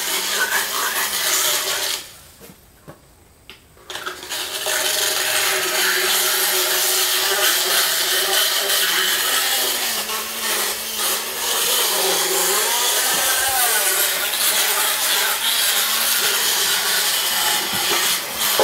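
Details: Horse dental floating: loud, rhythmic grinding and rasping as a dental float files the horse's teeth, with a brief pause partway through.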